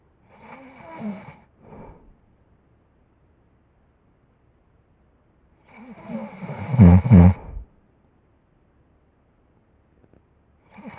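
Loud, rough, fluttering snores in separate bursts with quiet pauses between them; snoring.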